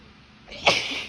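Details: Adult female sneezing from pollen allergy (tree and grass pollen) after forgetting allergy medication, with itchy eyes, throat and nose; a short in-breath builds into one sharp, explosive sneeze.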